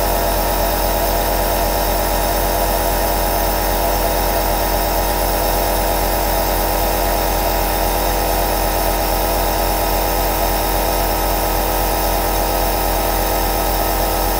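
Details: Two compressor nebulizers (aerosol) running together, continuous mechanical sound; nebulizer running.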